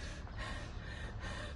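Short, effortful gasping breaths with noisy airflow, acted as laboured breathing during an asthma attack.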